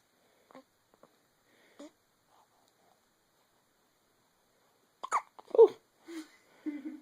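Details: An 8-day-old newborn boy hiccups: three soft, short hiccups early, then louder voiced hiccups after a pause; ordinary infant hiccups.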